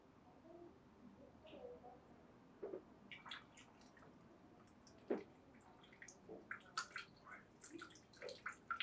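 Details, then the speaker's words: Soft trickling and dripping as saltwater poured from a neti pot into one nostril runs out the other, done on both sides; nasal saline irrigation (jala neti). "so now you've watched me pour the water in one side and comes out the other nostril then i did the opposite side"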